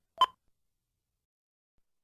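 A single brief high electronic chirp, then silence, cut off by another sound at the end: the defibrillator's periodic low-battery or failure alert.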